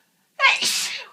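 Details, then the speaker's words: Single forceful sneeze from an adult with a cold: sharp intake then explosive hissing burst fading over half a second; one of many uncontrollable sneezes with itchy nose and watering eyes. "Achoo. Achoo. Achoo. I am full of cold again. I'm so sorry, I really can't control."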